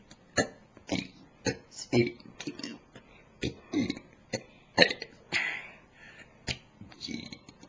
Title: burping 2